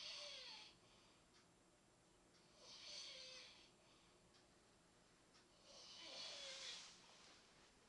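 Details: Soft, airy snoring breaths, about 19 a minute, with a faint whistling catch on each breath, in a quiet room; snoring.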